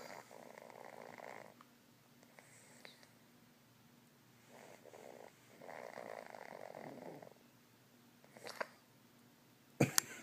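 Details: Sleeping small dog giving soft, rough snores in slow, breath-timed stretches, ending with a sharp handling noise; snoring.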